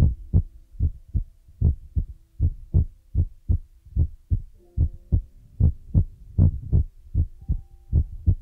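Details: Heartbeat sound used as an ASMR relaxation trigger: a steady lub-dub heartbeat at about 76 beats a minute, with a soft hum behind it.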